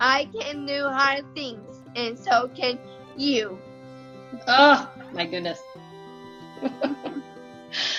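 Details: 16-year-old girl with cerebral palsy, family described as having a rare mitochondrial neurodegenerative disease affecting muscles and nerves; told she would never talk, she learned to and reads a speech; dysarthria in cerebral palsy.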